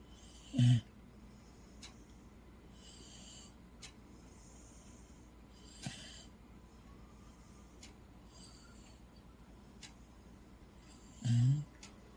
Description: Snoring Corgi Too Cute This video shows you our Corgi snuggled up in side of a blanket, propped up on the couch, asleep and snoring, Turn Volume up So you Can Hear him.